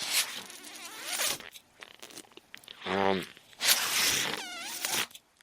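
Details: Two long hissing, rushing air bursts about 3.5 seconds apart with a brief tonal hum between them, heard while the user speaks: his mechanical ventilator cycling.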